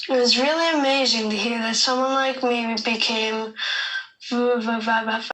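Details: Child who stutters; stuttering.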